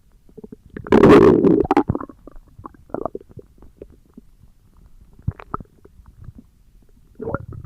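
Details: Stomach growling (borborygmi) recorded for ASMR: a loud gurgling rumble followed by scattered softer bubbling and squelching gut noises.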